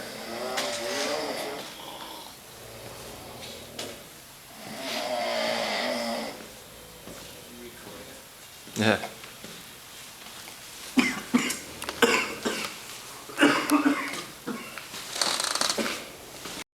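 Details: Long rumbling snores from several sleepers in a Quonset hut, with sharp noises and room sounds between them: snoring.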